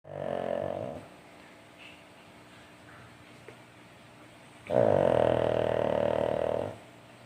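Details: Two loud, low, rumbling snores with a quiet pause between them; snoring.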